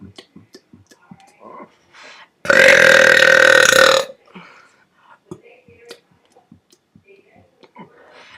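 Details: First burp in a while: one loud, long, sustained belch lasting about a second and a half, set between quiet clicks and mouth noises. Burping.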